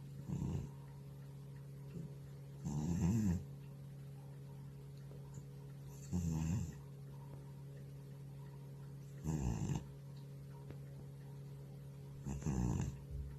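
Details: Old male cat in deep sleep snoring: soft, regular snorts about 19 breaths a minute over a steady room hum, gentle snoring.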